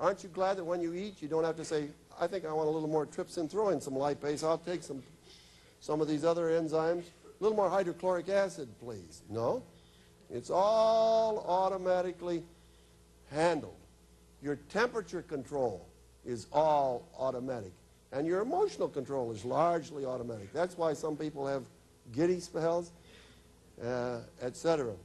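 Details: Adult male speaker; normal speech.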